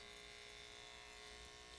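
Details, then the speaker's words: Steady buzzing hum of electric clippers clipping a patch of hair just above the rear foot pad of a cat, before Doppler blood pressure measurement with a sphygmomanometer cuff in a quiet exam room. "this is attached to the sphygmomanometer and now we will clip the hair I prefer to do my blood pressure readings just above the rear foot"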